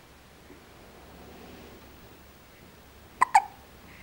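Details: Two quick, sharp hiccup sounds close together from a baby girl in a quiet room; ordinary infant hiccups.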